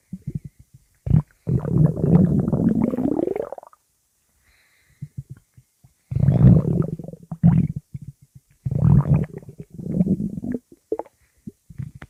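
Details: Low, rumbling gurgles in several bursts with pauses between, recorded from a pug; stomach growling (borborygmi).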